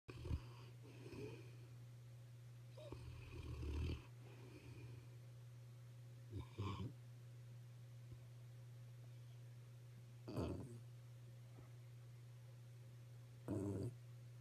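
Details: Sleeping dog: irregular soft snorts and snoring breaths roughly every three to four seconds over a steady low hum.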